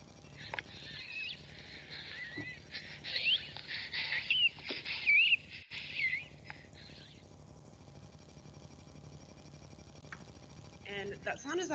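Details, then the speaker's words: High-pitched whistling and squeaking breath sounds in bursts, played as an example of a person wheezing with asthma; wheezing. "a person wheezing we're going to play it for you again and see if you can pick up on that"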